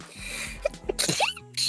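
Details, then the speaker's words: VTuber livestream clip: a sharp, explosive sneeze with a short snort over background music, followed by "I just sneezed" and "excuse me"; sneezing. "I just sneezed."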